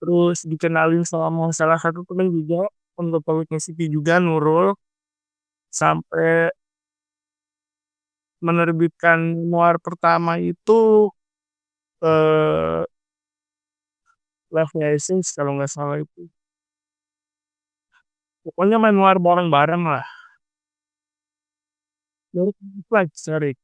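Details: Adult male speaker; speech impairment in cerebral palsy.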